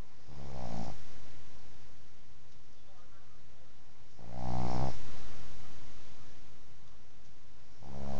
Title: Sleeeepy snoring puggly...